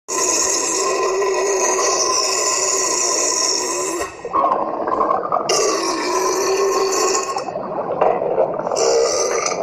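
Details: Long, loud, rough burps drawn out for several seconds with a growling, roaring quality, likened to a dragon or dinosaur: burping.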